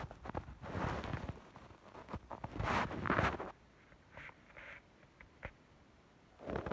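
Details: Irregular gurgling and rumbling bursts, some long, some short, separated by quiet gaps; stomach growling (borborygmi) in a hungry adult teacher at work.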